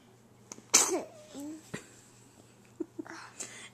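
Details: A baby sneezing: a single quick, sharp sneeze, followed by small vocal sounds and quiet background talk.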